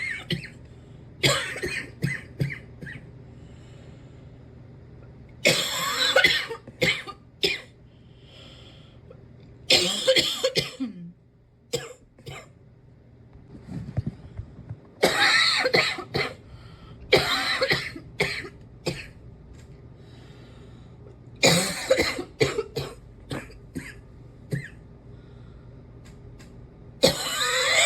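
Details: Persistent cough in an adult: repeated bouts of harsh, fairly dry coughing that is still hanging on.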